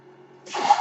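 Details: Podcast host's own mechanical ventilator audible while he speaks: faint low hum, then a rising airy whoosh of delivered airflow each breath cycle.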